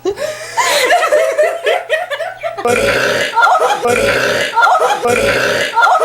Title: Burping Contest Superbowl 2009